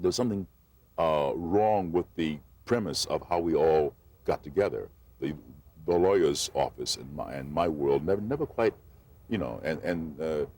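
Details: Adult male actor who stuttered since childhood, refused to speak for 8 years as a child, and says he always will be a stutterer, occasionally audible; stuttering.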